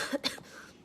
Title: (STU48) くしゃみ＆咳き込む